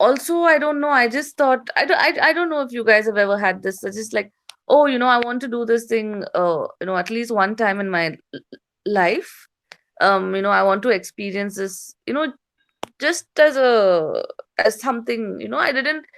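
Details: Stuttering with repetitions in an adult female stand-up comedian with a slight speech impediment since growing up.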